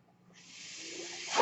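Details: The speaker's own mechanical ventilator, heard while they talk: a soft airy hiss builds steadily over about a second and swells at the end as a breath is delivered.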